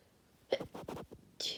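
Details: Deliberately induced sneezes (F) with a nose blow: quick breathy bursts with forceful expulsions, ending in a hissing rush of air; sneezing.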